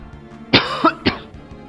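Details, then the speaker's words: Adult gives a short run of two to three dry coughs while commenting on gameplay over quiet game music. "Sei que vocês ouvem a tosse, mas eu finjo que vocês não ouvem."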